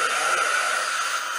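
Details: Dental handpiece during a gingivectomy and restoration of subgingival gumline decay on tooth 13 (buccal), restored with Fuji II: steady high-pitched whine with a hissing airy rush of drill or air-water spray.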